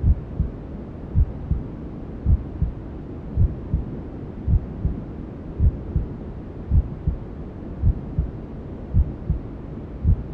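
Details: A simulated womb soundscape made for settling newborns to sleep: steady, muffled low thumps at about 54 a minute over a constant whooshing white-noise hiss; a mother's normal heartbeat as heard from inside the womb.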